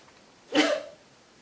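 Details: Person with a head cold, trying to provoke sneezing: one short, explosive sneeze burst with a brief voiced tail, in a quiet room; sneeze.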